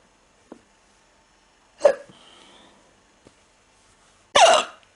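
A few abrupt, sharp gulping sounds with quiet gaps between them, consistent with hiccups.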